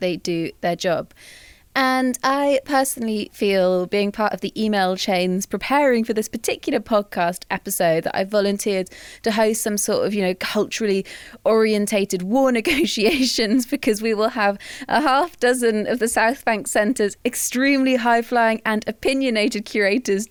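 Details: Adult woman speaking; normal speech.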